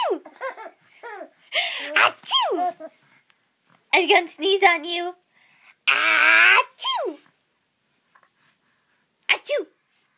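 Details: Mother sneezing on a hot day while her small child in a diaper giggles and babbles: a single sharp, breathy sneeze amid adult chatter and child laughter.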